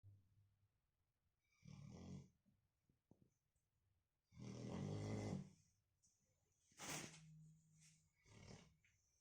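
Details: Irregular low rattling snores with breath noises between them, in a quiet room: ordinary snoring.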